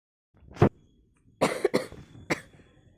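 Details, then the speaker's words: Person on day 3 after a positive COVID-19 antigen test, no fever or runny nose: about four short, abrupt coughs in quick succession in a quiet room; cough. "i got no fever and no running nose cough a lot"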